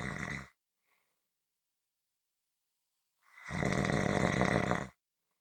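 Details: Loud, rattling snores on the in-breath, each about a second and a half long, with quiet pauses between; ordinary snoring.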